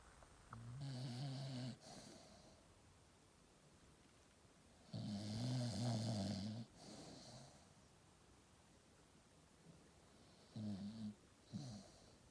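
A dreaming dog gives low, droning snores, about three long ones plus brief short snorts, with soft breathing in between.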